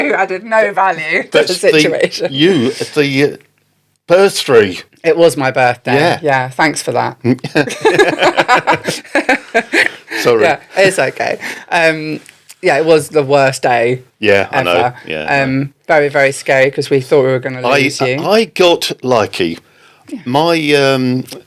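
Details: Adult woman speaking; typical speech.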